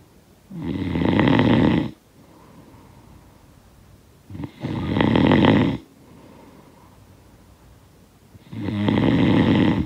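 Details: Loud, rough snores on each breath in, about 15 a minute, with quiet breathing out between; typical snoring, sound-effect recording.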